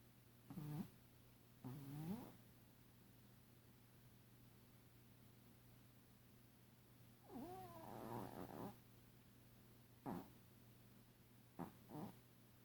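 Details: Irregular snoring in a small Chihuahua dog, Tuco: uneven snorts and squeaky, rattly snores with gaps of several seconds over a low steady hum, sounding like apnea.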